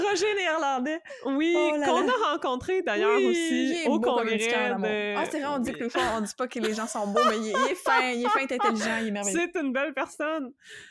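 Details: Adult woman speaking French; typical speech.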